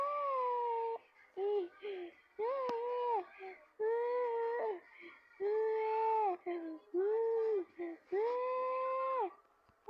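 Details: Infant crying in repeated wails, broken by short catching gasps and hiccup-like sounds between cries, as if out of breath.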